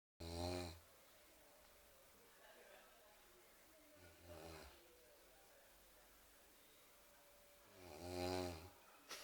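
Three loud, rough, buzzing inhalation snores about four seconds apart, with quiet room noise between them; ordinary snoring.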